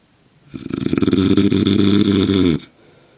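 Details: Adult man (father) sleeping soundly: one loud, rattling, low-pitched snore lasting about two seconds, with rapid fluttering vibration throughout, quiet room before and after; snoring.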